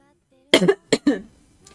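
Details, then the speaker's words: Young woman with a persistent cough during a livestream, wondering if it is vocal cord nodules: three quick, sharp, dry coughs in a short burst, then quiet. "이게 약간 성대결절인가 이게? 모르겠어. 그냥 기침이 계속 나와요."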